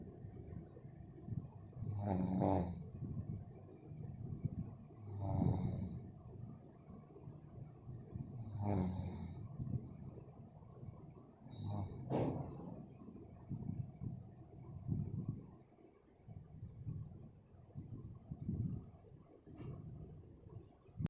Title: Kharrate aana ke reason 🔥🔥🔥| खर्राटे | Snoring